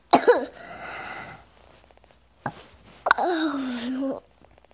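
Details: Another cycle of harsh coughs followed by a long, strained, groaning exhalation; coughing bout with difficulty breathing.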